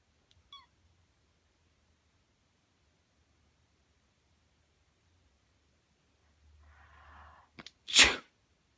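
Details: Black cat meowing in response to a person's "sneezes" while grooming herself: brief meow, soft grooming sounds, then one sharp sneeze.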